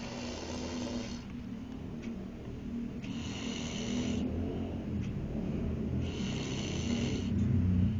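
Rhythmic low rumbling snores with hissing breath phases recurring about every three seconds; ordinary snoring during sleep.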